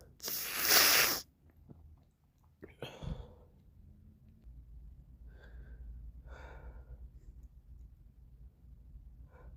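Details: Morning sneeze with a runny nose: one loud explosive sneeze, then wet nasal sniffs and snuffling breaths.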